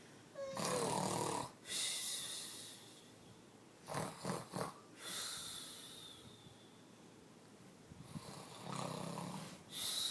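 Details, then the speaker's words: Loud, rough snores on breathing in from a sleeping adult, about three over ten seconds with quieter breaths between; ordinary snoring. "That's What Mommy Sounds like When She sleeps no She does not yeah She does mmy snores What does snoring Sound like them you"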